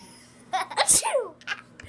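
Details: A single sudden, loud, hissing sneeze from a person, with vocal sounds around it that could be laughter.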